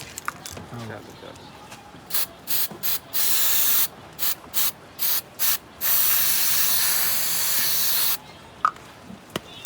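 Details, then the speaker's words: Aerosol spray applied to a bullock's fully healed wound after its stitches were removed: several short hissing bursts and one longer hiss. "જો તો mobile તમે પકડી રાખો અને આપણે એને સ્પ્રે નાખી દઈએ ચાલુ હે"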